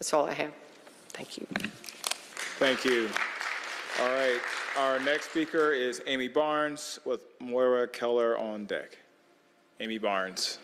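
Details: Adult male speaker at a public meeting; Normal speech.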